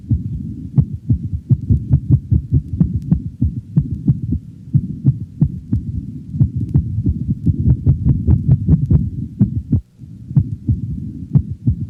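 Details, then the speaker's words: Dog on cardiac auscultation: sudden bursts of rapid heartbeats of similar intensity, duration and frequency abolish, then alternate with, the slower normal rhythm, demonstrating paroxysmal ventricular tachycardia. "the next sound demonstrates paroxysmal ventricular tachycardia interspersed with a slower normal rhythm"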